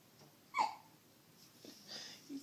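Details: A soft, squeaky, mouse-like hiccup from a baby boy, then quieter breaths and small sounds; ordinary infant hiccups, which his mother says he also had badly in the womb.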